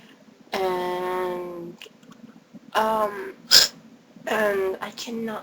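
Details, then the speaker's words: A person with a severe, painful bout of hiccups; forceful hiccup sounds. "Ooh, that one hurt. You see? You see? Oh, that hurt. That sounded funny. Some interesting hiccups."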